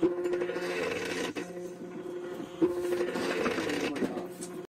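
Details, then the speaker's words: DIY low-cost Arduino emergency ventilator for COVID-19, a stepper motor squeezing a manual bag-valve-mask bag, pressure setting increased: steady motor whine with mechanical scraping rhythm as it presses harder than before. "As you can see Now it started pressing harder than before. Basically we are changing pressure."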